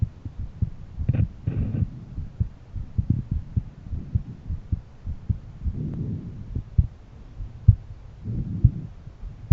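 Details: Person's own heart auscultated with a stethoscope at different valve areas: regular low thumping heartbeats roughly 75–85 a minute with some rubbing noise.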